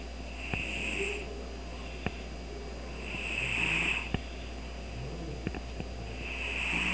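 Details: Cat asleep on a computer desk snoring: soft, regular whistling nasal snores about every three seconds, with a few faint clicks.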